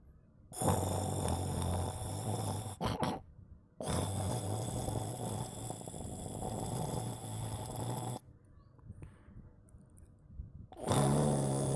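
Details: Sleeping cat snoring: long, low, rumbling breaths with short pauses between them, recorded close to the microphone.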